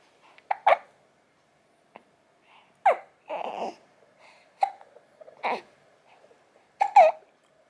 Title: 【成長日記#13】生後36日。ミルク後しゃっくりをする赤ちゃん Baby hiccups after milk